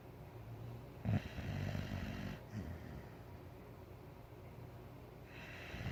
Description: White boxer sleeping and snoring on the couch